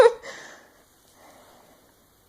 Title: Baby hiccups